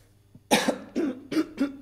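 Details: Adult with a hoarse voice that morning gives a run of about four short, loose coughs in quick succession.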